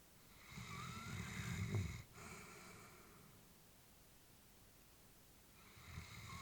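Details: Elderly female labrador asleep: soft, low snoring breaths with a faint whistle, then a quiet pause; calm breathing with light snoring.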